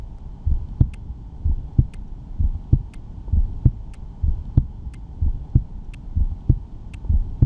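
Steady low lub-dub beats at about 65 a minute with a faint hum behind, heart sounds through a stethoscope.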